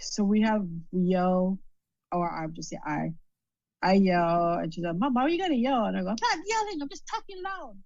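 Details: Adult female stroke survivor with post-stroke aphasia and word-finding difficulties. Finding: aphasia.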